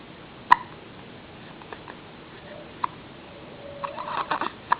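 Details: Hiccups in a baby; sharp, brief hiccup sounds, one clear and a few fainter, over quiet background noise.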